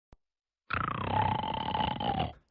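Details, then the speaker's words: A single long, rough, rattling breath with a low buzzing vibration, typical of a snore; snoring presented in an anti-snoring product advertisement. "you trying to sleep with someone that sounds like a chainsaw? Does snoring keep you awake or keep you apart?"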